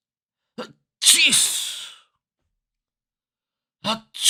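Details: Several sudden explosive sneezes, each a sharp inhale then expulsion, separated by silence, from a compilation of different people's sneezing styles; ordinary sneezes.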